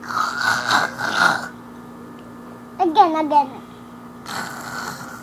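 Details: Snoring from a sleeping person.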